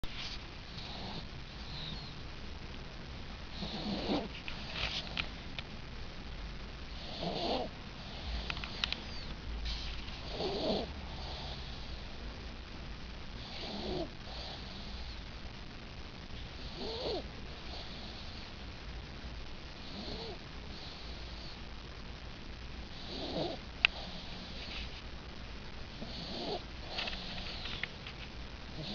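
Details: A sleeping 5-month-old boy makes soft, regular snoring noises with each breath, about 18 a minute, over steady room hiss: infant snoring.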